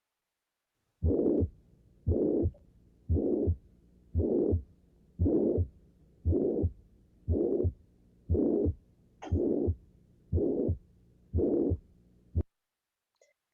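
Regular heartbeat near 60 a minute with a harsh, even murmur filling all of systole: holosystolic murmur of ventricular septal defect.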